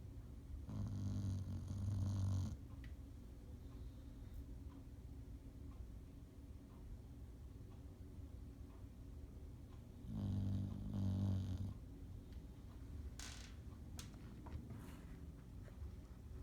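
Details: Small dog snoring in sleep: low rumbling snores, two long breaths about eight seconds apart, quiet room between.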